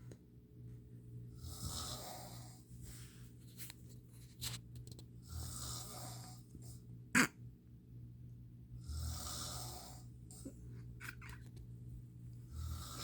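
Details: Slow, hissing snores about every 3.5 seconds with a steady low hum and occasional background clicks and thuds, recorded around 1:30 a.m.; snoring.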